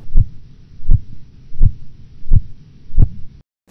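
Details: Korotkoff sounds, phase 1, heard during indirect blood pressure measurement with a cuff, in a clinical medicine teaching demonstration.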